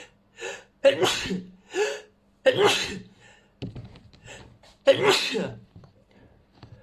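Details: Sneezing: three loud sneezes, each a sharp inward catch then a forceful burst, separated by quiet breaths and small vocal sounds.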